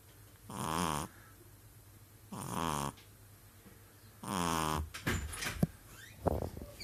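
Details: Pug dog asleep, snoring with three loud rattling snores about two seconds apart, roughly 30 a minute, followed by small clicks and rustles.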